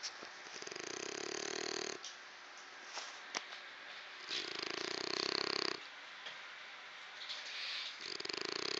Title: Bonanza snoring